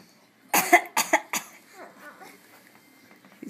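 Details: Voluntary fake cough: a child gives a quick run of three or four short, deliberate coughs, followed by faint background voices.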